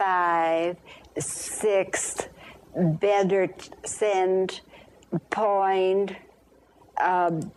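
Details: Real patient with conduction aphasia, a language disorder affecting the ability to repeat words and phrases and to find words, counting after being prompted; finding: conduction aphasia.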